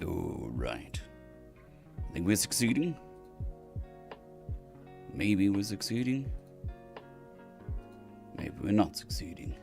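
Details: Dysphonia in a man on day 2 of recovery after surgery; cords mostly healed but lacking strength and stamina, sounding laryngitis-like, with physiotherapy pushing the voice.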